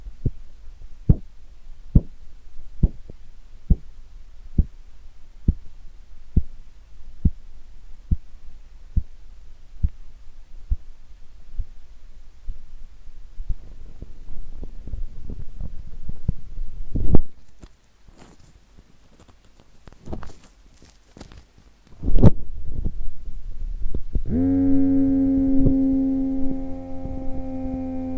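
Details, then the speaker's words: Korotkoff sounds recorded with a cheap old microphone placed over the arm artery under a deflating cuff: regular arterial taps near 69 a minute that change as cuff pressure declines. "now what you'll hear in just a second is the pump pumping up the cuff and then you'll see the pressure gradually or you won't see the pressure sure but you're here these sounds change as the pressure declines"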